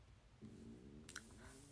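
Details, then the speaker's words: Young woman's audible stomach growl during a live stream, a "gurgle" she remarks on as she says she is now hungry; stomach growling. "お腹鳴った。グーって言った。聞こえた今の私の胃の音。そして私は今お腹が空きました。"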